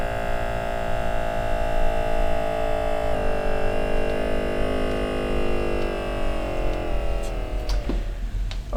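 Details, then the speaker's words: Steady motor hum of a Sinocare automatic upper-arm blood pressure monitor inflating its cuff, a drop in pitch as pressure releases, then clicks as the reading finishes. The cuff sits 1–2 cm above the elbow, with the arm relaxed and the person silent. "I am going to simply hit start. And then I'm not going to talk while the machine is working."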